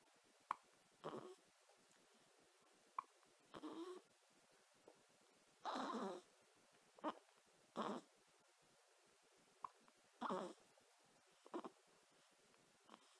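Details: Hiccuping: repeated short sharp catches with brief breathy bursts, about nine in thirteen seconds, irregularly spaced: hiccups.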